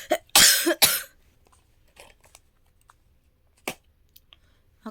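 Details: A few harsh, dry coughs in quick succession, then quiet breathing, from a woman with a cough lasting several days that has not improved despite medicine; lingering cough.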